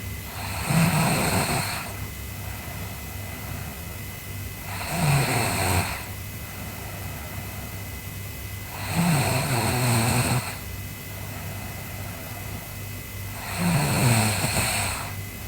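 Four slow, rumbling snores on the in-breath, about 15 breaths a minute, with steady room hum between them.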